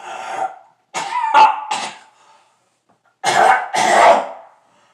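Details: An adult's laughter breaks into a run of voiced, harsh coughing bursts.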